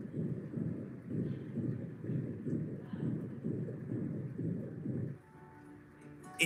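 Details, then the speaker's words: A very loud heart murmur with a thrill, felt as a buzzing: rhythmic, harsh whooshing masking each beat at about 110 a minute, in a veterinary explanation of dog and cat murmurs. Louder murmurs are generally linked to more severe heart disease. "heart murmur can be soft and quiet like this or they can be very loud sometimes accompanied by a buzzing feeling like [Music] this in general the loudness of a murmur is associated with the sity of of the heart's condition"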